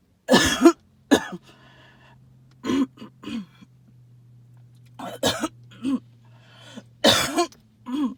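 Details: Repeated short, harsh hacking coughs with lots of faint whistling wheeze between bursts over a low hum, recorded amid tree pollen and mold spores.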